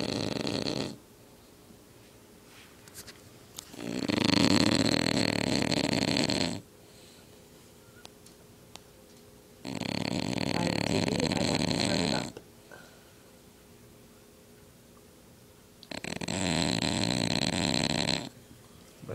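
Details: Overweight bulldog, asleep and tired after two weeks of hard play at boarding, gives loud, rough snores about every six seconds, roughly ten breaths a minute, with quiet pauses between; flat-faced dog snoring during sleep.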